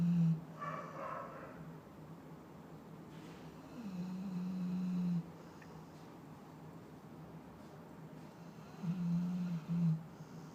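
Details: Sleeping dog snoring: low, soft, droning snores spread over about ten seconds in a quiet room.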